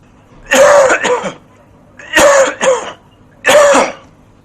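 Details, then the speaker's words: Three harsh, explosive coughs, two with a quick second burst, from a TB-positive adult patient, recorded with studio microphones or field recorders in a fairly noisy setting; tuberculosis cough. "So the first cough was from a TB negative patient, and the second was from a TB positive patient."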